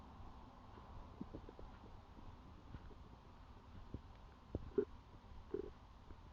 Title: first time of me recording my own stomach sounds